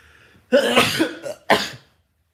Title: CIX sneeze